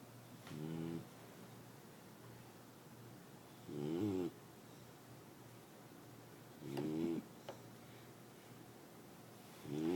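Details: Sleeping on a couch: soft, regular snores about 20 a minute, with quiet room hiss between them; snoring during sleep.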